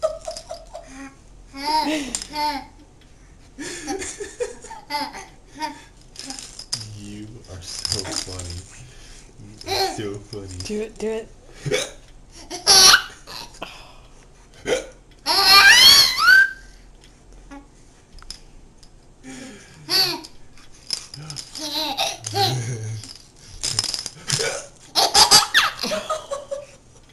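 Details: Infant hiccups: short, sharp hiccup sounds mixed with giggles and laughter.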